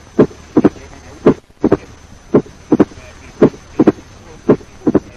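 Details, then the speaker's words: Third heart sound: regular heartbeat near 56 a minute with a soft, low-pitched extra sound after S2, occurring later than an opening snap. "Compare this with the lower pitched and slightly later occurring third heart sound."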